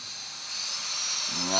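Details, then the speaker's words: Dentist drilling his own numbed tooth, cracked into the nerve, preparing it for a crown and later root canal: high-pitched whining hiss of a dental drill on the tooth, with a short low buzz near the end. "this is a part where I can't see anything I'm kind of just drilling how I feel"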